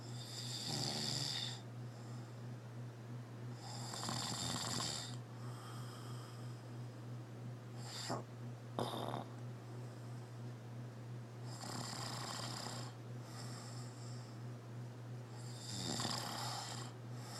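Rough snoring on inhalation, about four breaths over seventeen seconds, with a steady low hum in the background.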